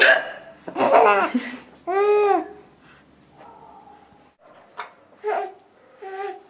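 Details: Adult mother with hiccups after bathtime, her 4-month-old daughter laughing: sudden, sharp voiced catches, each cut off abruptly, mixed with laughter; hiccups.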